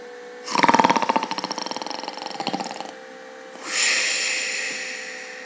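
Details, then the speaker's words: Snoring played during a Russian sleep-medicine talk: a loud fluttering rattle on inspiration from the palate vibrating the airway walls as muscle tone drops in sleep, then a softer expiration. "какое-то время небо начинает биться стеночки дыхательных путей создавать звуковой феномен храпа вот как сейчас"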